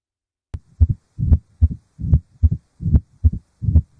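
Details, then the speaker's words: Stethoscope demonstration: regular low heart sounds near 74 a minute with a low rumbling murmur between beats, illustrating narrowing of the mitral valve: mitral stenosis murmur. "اما بقى لو حصل ضيق في الصمام التاجي فهو ده الصوت اللي"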